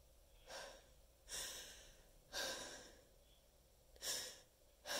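Four loud, sharp, gasping inhalations in quick succession, the noisy catching breaths of a sneeze building up.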